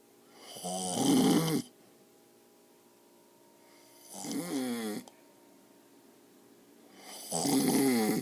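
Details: Elderly man (grandpa), a heavy snorer, asleep with three loud, rattling snores about every three seconds and quiet pauses between; snoring.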